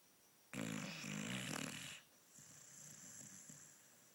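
One loud, rattling snore on a breath, then a softer, hissing breath. A dog snoring in a quiet room.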